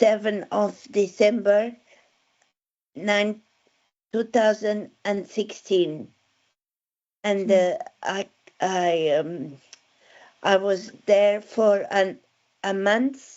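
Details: Adult woman with aphasia after a stroke in December 2016, with word-finding difficulty; real patient speech; aphasia.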